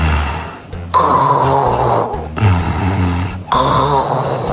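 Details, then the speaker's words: Low, rattling snores that swell and fade, separated by brief pauses: rising-and-falling sleep snoring judged harmless. "中医女友帮你听听有没有问题。这种没啥问题。这种有点吵，但也没什么问题，估计是累到了。"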